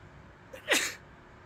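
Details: Single sharp, explosive sneeze after a brief inward catch of breath, followed by "bless you"; an ordinary sneeze.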